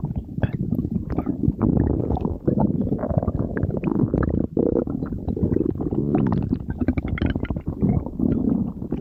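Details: Stomach growling: loud, continuous low gurgling and rumbling with a few bubbly pops; normal borborygmi.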